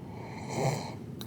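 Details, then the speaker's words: An awake adult imitates soft snoring to fake sleep: a single soft, low rattling snore on the inhale, with nothing on the exhale. "On the inhale, okay, you're going to do just the tiniest snoring noise. Nothing like that. No. People know that's fake, right? Nothing like that. Soft snoring noises."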